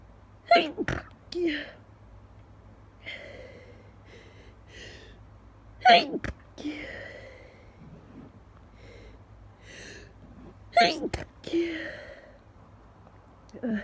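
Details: Person just woken at 5 a.m., sneezes stifled where possible: a run of sharp sneezes, each with a quick in-breath before it and sniffling between, nose-blowing at the end; repeated sneezing.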